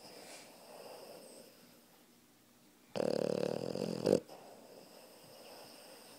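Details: Puppy asleep on its owner, giving one loud, rough, fluttering snort-like snore about a second long amid quiet room noise.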